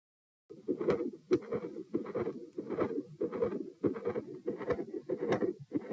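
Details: Heart sounds through a stethoscope, recorded standing and sitting: a constant rumbling continuous murmur running through the beats that reduces on position change, with split S1 and S2.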